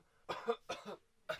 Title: HE HAD A COUGHING FIT ON SET!